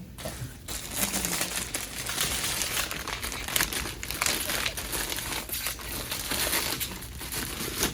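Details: Loud crinkling of plastic packaging as a saline IV fluid bag is handled and primed with a giving set during an IV insertion demonstration; faint talk in the room.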